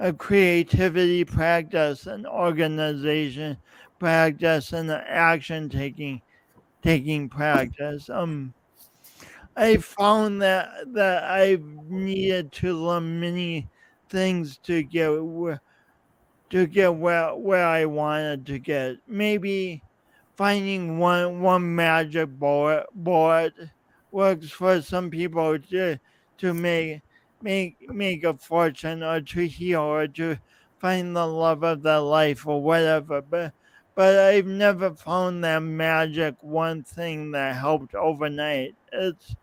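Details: Adult man, podcast host, with his own lifelong speech impediment and coordination differences that persist despite years of practice possibly making him clearer; real, not acted; speech impediment with word repetitions.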